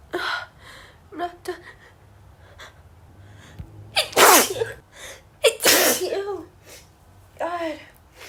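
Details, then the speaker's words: A sneezing fit: several sharp sneezes in a row, each preceded by a gasping in-breath, with short vocal sounds between, in a woman who warned she would sneeze and could not stop. "I'm going to sneeze again. It's Stop. It's sneezing."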